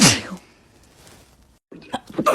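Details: Sneezing compilation clip: a single sharp, explosive ordinary sneeze, then quiet and brief voices.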